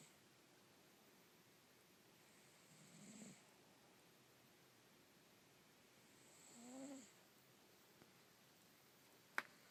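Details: Russian Blue cat sleeping: two quiet, purring snores a few seconds apart in a quiet room; snoring.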